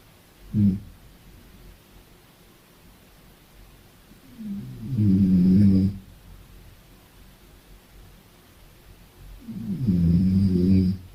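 Low, rattling snores on breathing in, about 12 breaths a minute, with quiet breathing between them.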